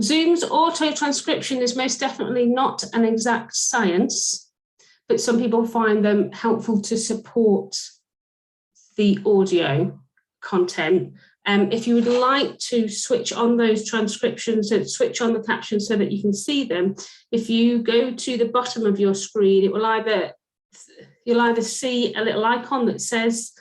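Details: Adult woman speaking; fluent speech.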